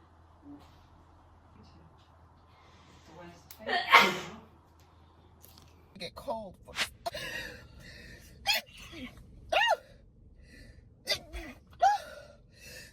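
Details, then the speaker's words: Woman sneezing during a COVID-19 nasal swab test, triggered by the swab twisted in her nose: one loud, sharp sneeze, followed by gasps and quiet voices in a small room. "oh that's a wickedness that made me sneeze as expected"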